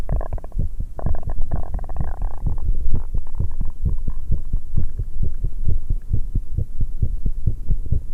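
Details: Rapid, pounding, unsettled heartbeat recorded after exercise in a 19-year-old female, with sounds of drinking tea and stomach noises.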